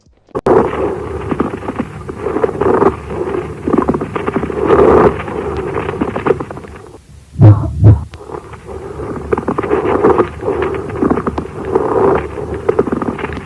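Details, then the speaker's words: Pleural friction rub: crunching sounds from rough pleural layers, for example with fibrin deposits, rubbing together during breathing movements. "шероховатости и неровности и плевральных листков за счет отложения на них например фибрина трутся друг об друга при дыхательных движениях и создают хрустящие"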